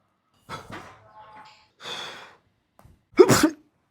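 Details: Quick run of sneezes with short breathy pauses, ending in one loud sneeze; son's repeated sneezing in a comedy skit.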